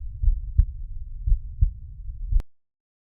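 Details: Low, dull paired heartbeats at about 60 a minute under a steady low hum, ending abruptly: normal heart sounds heard by stethoscope at the tricuspid area, left 4th intercostal space, parasternal line.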